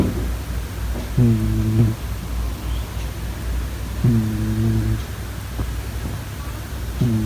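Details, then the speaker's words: Pet cat snoring while asleep, recorded up close. "夏在打呼，待会给大家听一下小夏打呼的声音吧。"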